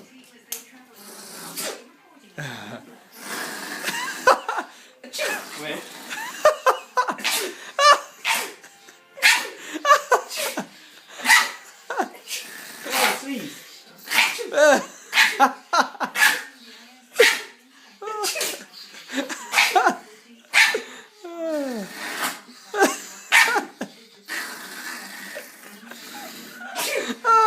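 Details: Yorkie dog having a sneezing fit: a rapid run of short, sharp sneezes, then behaving normally afterwards, with people talking and laughing nearby.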